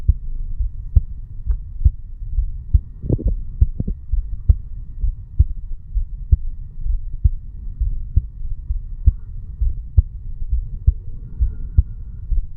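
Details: 35-year-old male sitting on stairs, heartbeat recorded at the bicuspid (mitral) valve area: steady low thumps about 67 a minute with low handling hum; normal heart sounds.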